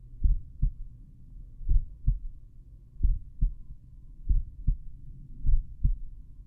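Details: Slowed-playback stethoscope recording at the mitral area, subject lying on back; clear paired lub-dub thumps, evenly spaced; heart sounds.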